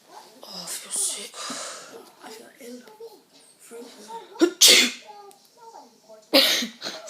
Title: Sneeze cam funny reaction